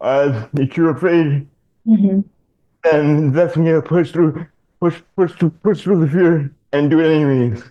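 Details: Adult male with dystonia, a neurological disorder affecting mobility, diagnosed in childhood: speech with frequent word and phrase repetitions in dystonia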